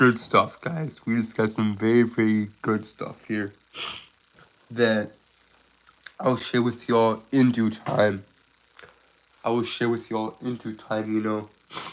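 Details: Adult Southern man who describes himself as a stutterer with a speech impediment, currently sick: stuttering.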